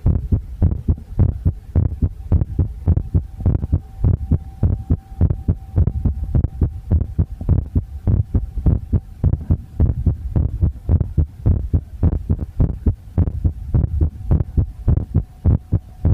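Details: Visible heartbeat recorded with poor sound quality: regular low thumping at about 105 beats a minute over a steady faint hum.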